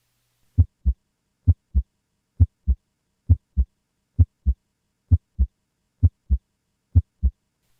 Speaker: together S1 and S2 form the L dub of the heartbeat